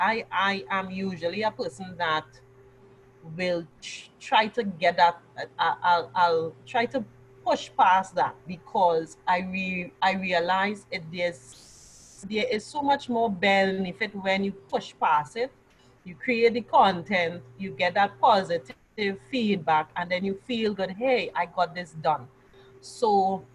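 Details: Adult woman who stammered severely from childhood, now largely controlled through years of practice such as acting and public speaking; residual stammering, more habitual than nerve-driven; stuttering (stammering).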